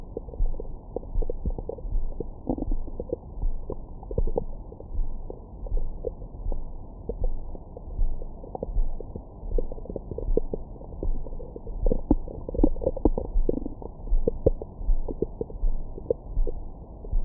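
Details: Recorded with a Stemoscope stethoscope microphone on the abdomen after a large meal: muffled gurgling and bubbling with brief squeaky bursts, normal stomach growling bowel sounds.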